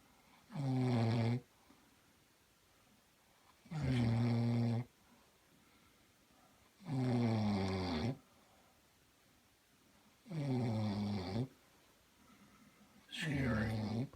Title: Somebody snoring and it's not me. Happily.